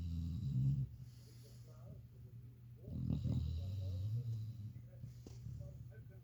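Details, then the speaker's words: Loud snoring from a dog sleeping on its pillow: low, rumbling snorts and rattling breaths, with quiet talk in the background. "I'm loving you on your little pillow. How cute are you? Snoring away."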